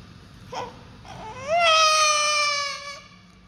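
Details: Newborn baby crying: a short whimper, then a sustained, clear-toned wail of about a second and a half; ordinary newborn crying and fussing.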